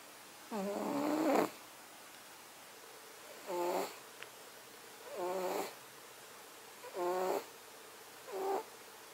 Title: Cat snoring while he sleeps